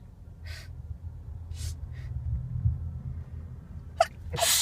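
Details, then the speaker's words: Female sneezing fit while driving and looking for a parking spot, trying to pull over: several short sneezes over low engine rumble, with quick breaths drawn in between. "And started sneezing. Sneezing. I try to pull over."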